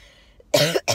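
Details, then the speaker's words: Two harsh, forceful, rough coughs in quick succession from a woman leaving the doctor's office after a week of coughing, offered codeine medication; acute bronchitis cough. "you hear that that's what it's been like for me for the past week and I finally said I can't self-medicate myself I need some like something strong"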